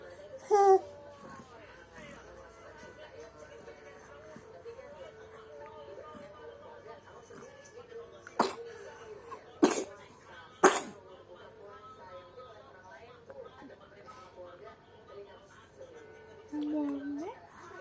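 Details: Baby with a cough: a few short, sharp coughs amid fussing, with music and room noise in the background.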